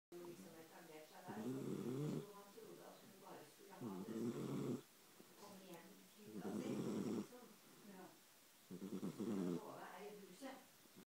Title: Puppy snores